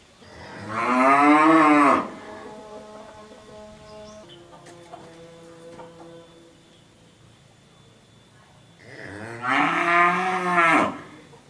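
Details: A sick cow that has been given an injection gives two long, strained moos with an odd, wavering tone, a steady hum between them; an abnormal call, and the cow also coughs at times.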